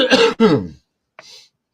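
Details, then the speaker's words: Adult streamer with what he calls walking pneumonia gives two harsh, rough-voiced cough bursts close together then a faint breath, clearing it out; a loose, productive cough. "sorry folks it's coming out little by little for those of you that didn't know I had what's called walking pneumonia I guess basically so clearing it out"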